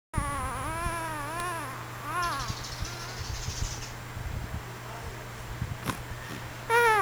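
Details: Baby aged 3 months, 3 weeks and 6 days cooing with soft rising and falling sounds while father snores in the background, steady low hum; ordinary infant cooing.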